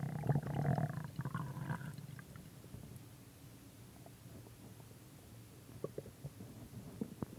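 Low gurgling rumble, then scattered soft pops and bubbling: normal stomach growling from gas and fluid moving through the gut.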